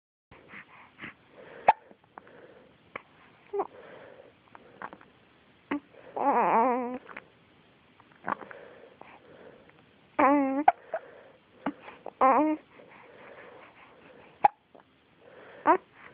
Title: Hiccups while pooping